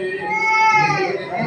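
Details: Loud, sustained, tonal wailing from a young baby girl crying during a haircut; ordinary crying.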